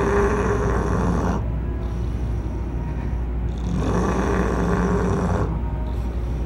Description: Ever heard a pig snore?